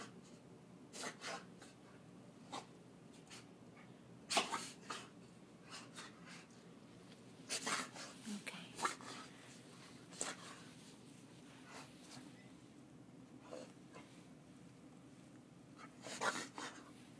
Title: reverse sneeze